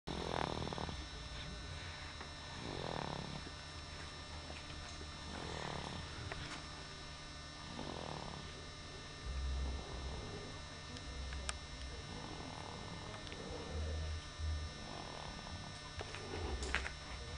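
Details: 3-month-old baby boy's first snore: soft, rhythmic rasping breaths every two to three seconds, about 24 a minute, over a steady low hum; light snoring during sleep.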